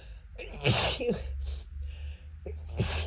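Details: Person allergic to cats sneezing after a cat enters the room: two or three forceful sneezes in quick succession over a low background hum; repeated allergic sneezing, stifled at first, then uncontrollable.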